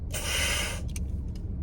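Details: A single sharp hiss under a second, then faint short puffs over low car rumble: a metered-dose inhaler spray used in a car before tumor removal surgery, the person saying they are nervous.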